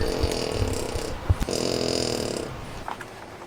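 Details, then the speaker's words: Sleeping French bulldog snoring in an RV: two long, rattling snore sounds separated by a brief pause, faint room noise behind; snoring. "You can hear Hudson snoring."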